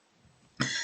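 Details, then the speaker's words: Woman coughing who reports bronchitis, rhinitis, sinusitis, tracheitis and parotitis with a swollen face. "Ça m'a beaucoup transformée puisque j'ai le visage gonflé par une parotidite, bronchite, rhinite, sinusite, trachéite, je tousse."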